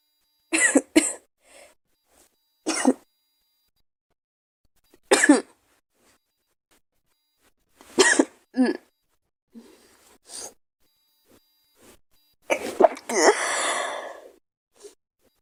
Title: Girl Sneezing 1